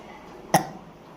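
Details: Intentional, deliberate burp on request by a boy who says he has been able to burp at will since childhood; a single short, loud burst in a quiet room: burping.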